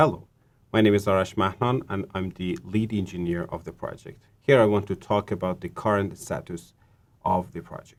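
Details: Adult male speaker; Normal voice.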